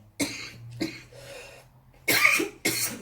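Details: Four harsh, airy dry-sounding coughs in quick succession, last two loudest, from an adult who is unwell.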